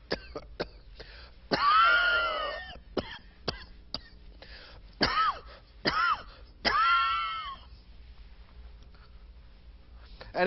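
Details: Adult on air with a coughing fit: cluster of harsh, strained coughs with throat-clearing in a quiet room.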